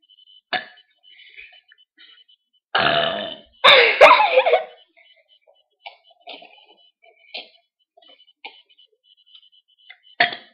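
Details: Two loud, drawn-out burps in a row from two girls, faint clicks around them in a quiet room; burping.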